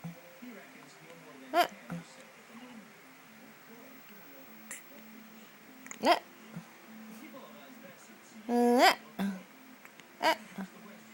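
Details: Baby with hiccups: abrupt, sharp voiced catches every few seconds in a quiet room, one drawn into a short cry.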